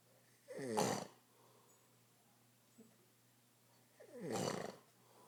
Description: Funny grandpa snoring